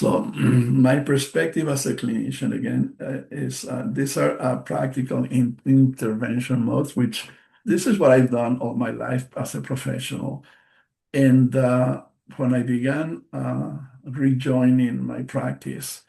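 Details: Post-stroke aphasia in a male stroke survivor, a non-native English speaker presenting in English; audible word repetitions and self-corrections; aphasia.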